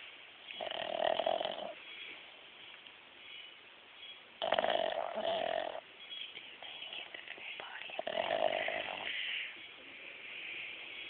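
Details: Pug snoring during a nap: three loud, rough breathing noises about every four seconds, with quieter breathing in between.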